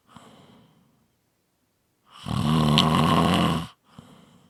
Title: 5 Minute Snoring Audio